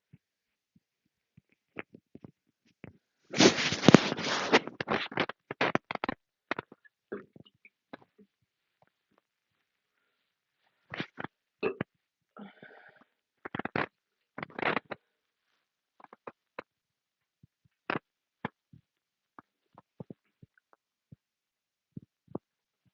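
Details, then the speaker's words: Faint, irregular gurgles and clicks from the stomach, with handling noise near the start, recorded with the mic moved down to the belly after chugging drinks and burping; stomach growling. "You could hear the growl that came out of my stomach at the same time."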